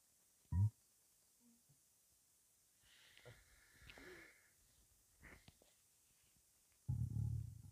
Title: 23 hours starving (200 sub special)